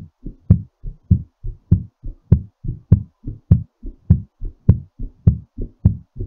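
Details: Strong, regular lub-dub heartbeat at about 100 beats a minute, a mildly fast rate while recovering after exercise; heartbeat after exercise.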